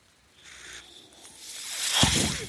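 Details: Soft airy hiss building to a louder rush of air with a dull thump, the breath cycle of a podcast speaker's own mechanical ventilator, heard while he talks: mechanical ventilator sound.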